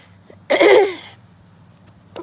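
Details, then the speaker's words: Adult woman walking outdoors while recovering from a recent illness, with a lingering cough: throat clearing / cough. "You can hear a little of my cough still."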